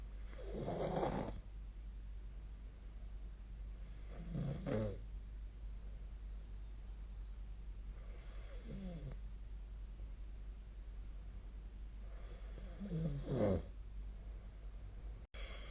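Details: Sleep snoring: four slow, low, rattling snores about four seconds apart against a steady room hum; snoring.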